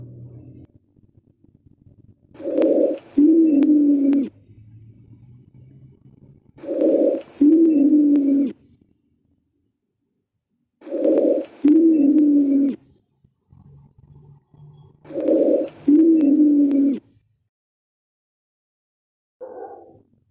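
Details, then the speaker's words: Wheezes on chest auscultation practice: four breath cycles with musical, high-pitched whistling moans, heard at the left lung apex, right interscapulovertebral space and lung bases, associated with asthma, COPD, pneumonia, bronchiolitis and allergic reaction. "las sibilancias se escucha muy similar al un silbido a veces aparecen como quejido o un sonido muy agudo generalmente desaparece durante la espiración"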